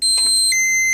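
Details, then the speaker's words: Loud, sustained high-pitched alarm from an Infinity enteral feeding pump during a maintenance test: the inflow tube is clamped, triggering the no-flow-in alarm (no flow between feeding set and pump). "Start running and take the clamp and block the in the tube which goes inside the pump, and you see the no flow in alarm."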